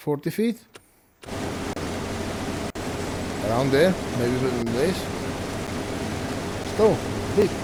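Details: Man with stuttering, which he reports is worse than usual after a triple ear infection over the last two weeks.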